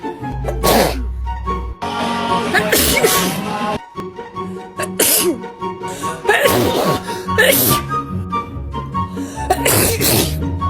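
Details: Several sharp sneeze bursts in a row over loud background music, from a short sneezing compilation.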